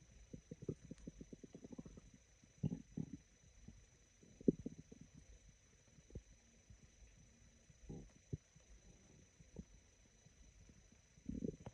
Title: Very sparse and raspy stomach growls